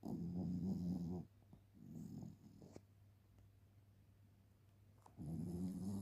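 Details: Shih Tzu puppy snoring while asleep.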